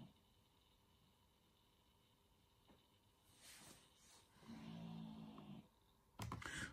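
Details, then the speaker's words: Snoring of an English bulldog, a breed described as prone to snoring, heard in the background. "désolé si vous entendez ronfler derrière c'est mon chien mon chien qui c'est un bog anglais ça tendance à ronfler"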